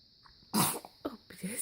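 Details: 3-month-old during morning stretches: one loud, sharp nasal burst followed by two smaller snorting bursts; sneezing.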